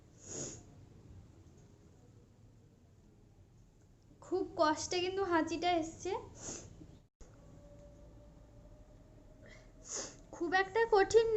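Sharp hissing bursts of breath with loud voiced cries between them, in a small quiet room; real sneezes brought on by tickling the nose.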